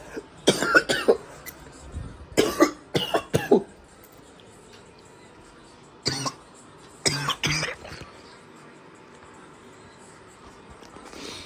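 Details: Adult coughing in repeated harsh bursts, about a dozen coughs in clusters, after smoking at home: coughing fit.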